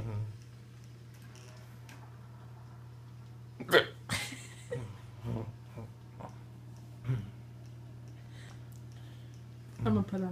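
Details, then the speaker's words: A person with hiccups after surgery makes a few abrupt, short gulping catches at irregular intervals in a quiet room: hiccups. "i got hiccups and they suck but otherwise i'll as well meg yes indeed"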